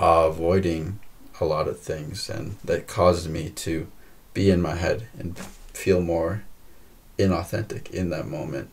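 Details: Woman who stutters, in a podcast conversation about stuttering, stuttering more than usual, with repetitions of words and part-words; stuttering.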